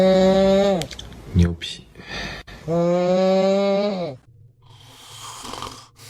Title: My cat snoring like she works a 9-5#funnycats #funnyanimals #petvideos #cat #fyp #usa #longervideos